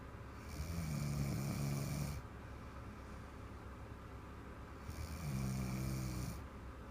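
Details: Woman asleep after a bottle of wine and a massage, knocked out within 5 minutes: two long, low, rattling inspiratory snores separated by quiet expirations. Snoring.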